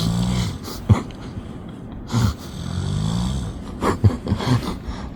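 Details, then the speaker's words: Man sleeping wrapped up like a cocoon outdoors during a seaside shore-fishing trip; low rough rumbling breaths every few seconds with a few snorting catches; snoring during sleep. "déjà vu ça, toi, une chenille qui ronfle, mon frère? Un cocon qui ronfle?"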